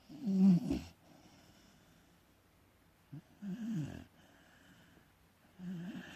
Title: Beagle snore